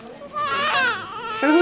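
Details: Strong, clear wailing cry of a baby boy only a few minutes old, with rising and falling pitch; a vigorous newborn cry just after birth.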